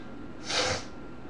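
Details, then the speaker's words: An adult's hiccup recorded in a quiet room at night: a single abrupt, airy, snort-like burst of breath, with the speaker complaining that the hiccups are driving them nuts. "Good gracious, these hiccups are driving me nuts."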